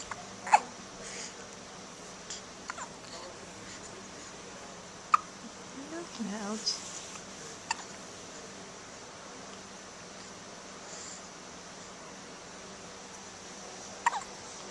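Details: Identical twins hiccuping at the same time, recorded in 2010 with a Flip Video camcorder: brief sharp hiccups at irregular intervals, about three or four in fifteen seconds, over steady room noise; hiccups.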